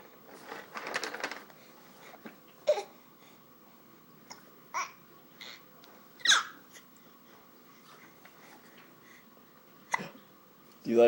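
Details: Infant with hiccups: short, sudden breath catches every few seconds between excited babbling and squeals while playing in an exerciser.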